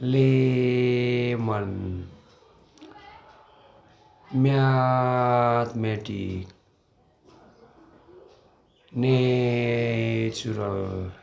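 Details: Person who stutters demonstrating single words with costal breathing and deliberate prolongation to overcome blocks; prolonged speech technique (stuttering therapy).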